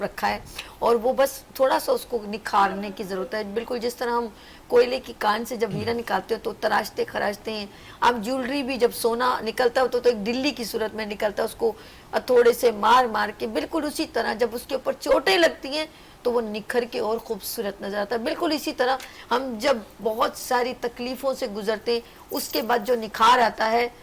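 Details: Adult woman speaking Hindi-Urdu; Normal speech.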